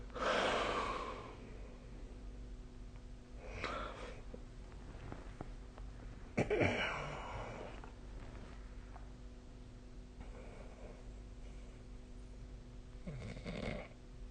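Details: Sleep snoring recorded with the SnoreLab snoring app, 2025/05/08: irregular noisy breathing with several rough snoring breaths at about ten a minute against a steady background hum.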